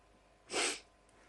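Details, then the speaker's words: One sharp, hissing sneeze over faint room noise from an adult with bad hay fever who sneezes randomly and fails to hold it in. "my hey fever is terrible I just randomly start sneezing for some reason right let's oh no I can't hold it"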